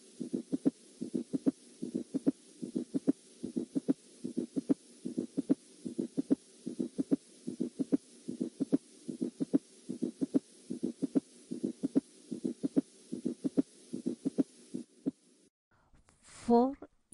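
Regular paired lub-dub heart sounds at about 74 beats a minute, with no murmur: normal heart sounds.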